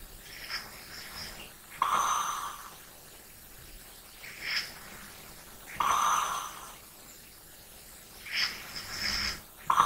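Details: ASMR snoring recording: slow sleep breathing at about 15 breaths a minute, with soft rattly snoring noises on some breaths; ordinary snoring.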